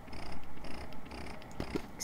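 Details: Electric breast pump (Medela Swing Flex or Medela Solo, compared during the demonstration) running: rhythmic low motor pulses with soft clicks as it cycles; massage and expression modes are mentioned.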